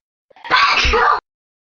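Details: A single loud, deliberately performed sneeze demonstrated in an "erotic sneezing" how-to: a short intake, then a sharp explosive burst lasting under a second.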